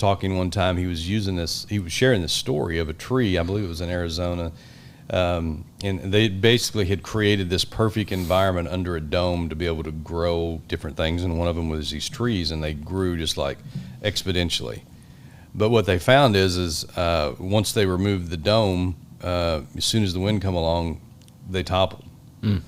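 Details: Adult male podcast host; typical speech.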